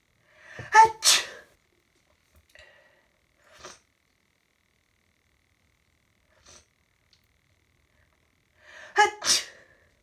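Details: Hay fever sneezing, ongoing for about an hour with a stuffy nose: two loud explosive sneezes, each preceded by a sharp inward breath, with quiet breaths between.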